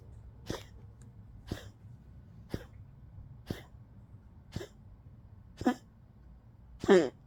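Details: Old Poodle with tracheal collapse coughing: seven short, dry hacking coughs about once a second, the last strongest.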